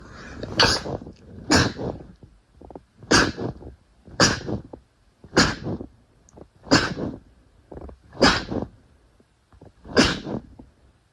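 A run of eight sharp, explosive sneezes in quick succession, each followed by a brief snort or breath, about one per second and a half.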